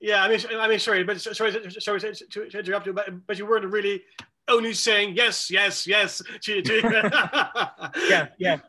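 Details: Male who says he has cluttering, telling a story with fast speech, repetitions and fillers; finding: cluttering.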